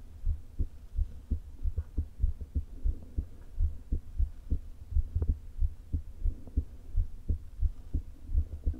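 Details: Woman's heart with atrial fibrillation and a leaking heart valve, days before open heart surgery, low-placed stethoscope: fast, irregularly spaced beats of uneven loudness over low rumbling stomach noise.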